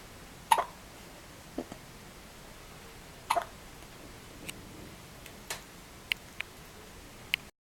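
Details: Newborn baby less than 24 hours old, first hiccups: short, abrupt hiccups recurring at uneven intervals, about 20 a minute, in a quiet room; hiccups.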